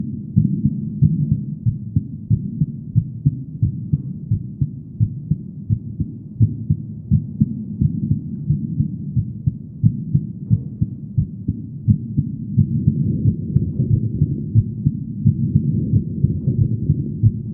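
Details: Normal heartbeat of a female: steady, regular beat at about 88 beats a minute, muffled thumps over a low background hum.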